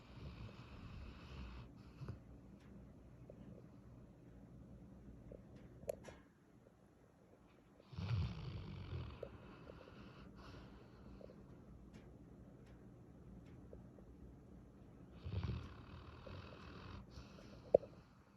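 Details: Sleeping senior dog napping: soft, rattly snores about every 7 to 8 seconds with quiet breathing between them.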